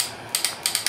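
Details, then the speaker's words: Surgical stapler firing in a demonstration of gastric sleeve staples: rapid ratcheting clicks until the indicator hits the last mark and the whole cartridge is fired. Normal mechanical operation. "look at the at the indicator and we're done okay that uh does doesn't Advance anymore uh we've actually hit the the the last Mark right here of the of the of the cartridge that means uh the whole Staples are fired"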